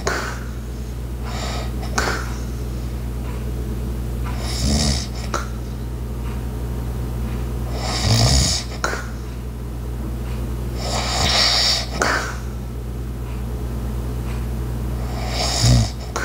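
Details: Soft rhythmic snoring with breathy rasping and a low inspiratory snort every 3–4 seconds, over a steady room hum with background ice maker, clock and walking sounds; snoring.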